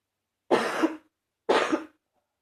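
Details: Two separate harsh, wet-sounding coughs about a second apart; a mildly congested cough.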